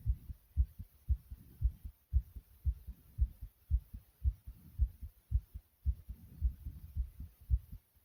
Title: Pounding Heartbeat Sound ❤❤